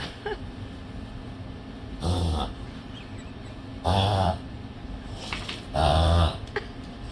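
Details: Three loud, rough, snorting inhaled bursts about two seconds apart, typical of a dog's reverse sneeze.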